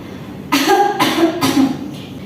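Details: Simulated demonstration of the effective cough technique from a nursing deep-breathing and effective-cough procedure: three strong, deliberate cough bursts in quick succession, used to clear phlegm.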